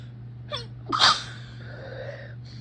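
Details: Induced sneezing in a room with a loud fan on: a quick indrawn breath, then one loud explosive sneeze over steady fan hum; an ordinary sneeze.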